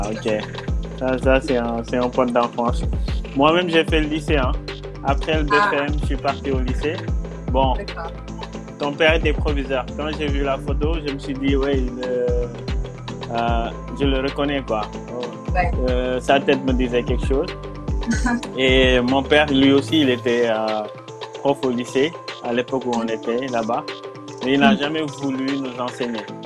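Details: Adult speaker, conversational French; normal speech.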